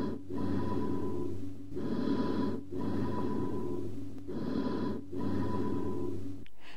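Hollow, metallic breath sounds with brief pauses between phases: amphoric bronchial breathing over a lung cavity or pneumothorax.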